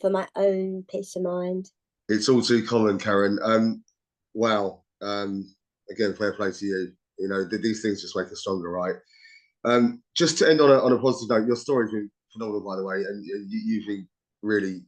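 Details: Adult male speaker; Normal speech.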